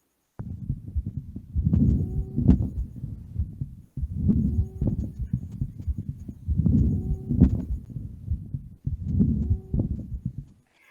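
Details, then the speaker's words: Lung auscultation through a stethoscope, abnormal adventitious sounds: repeated breath cycles with high, musical, whistling tones over breath noise; wheezes, described as typical of asthma. "não é normal no pulmão tem um sibilos né que até tem muita água no eixo da asma"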